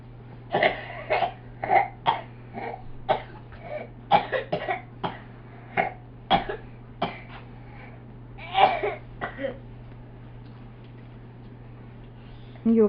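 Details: Young child having a coughing fit: a rapid run of about seventeen short coughs over nine seconds.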